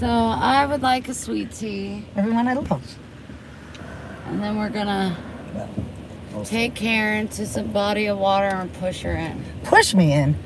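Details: Adult women talking, likely in a car; ordinary speech.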